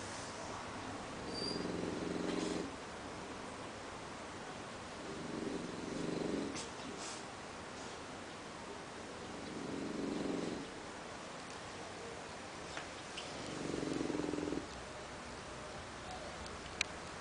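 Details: English Bulldog snoring in sleep: rhythmic fluttering snores, four long breaths roughly every four seconds, about 15 a minute, over a steady background hiss.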